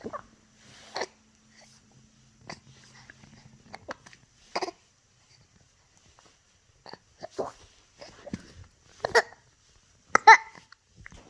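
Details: Hiccups recurring at irregular intervals in a quiet room, brief sharp catching sounds about one every one to two seconds.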